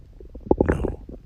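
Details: Ordinary stomach growling recorded on a real woman's abdomen: brief bubbling, gurgling rumbles from gas and fluid moving through the gut.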